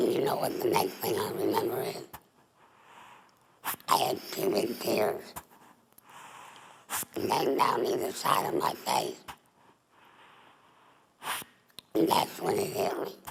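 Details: Adult female former smoker with squamous cell cancer of the mouth, then the larynx; voice box removed, neck stoma, speaks via voice prosthesis through the esophageal wall; alaryngeal speech after total laryngectomy (tracheoesophageal voice)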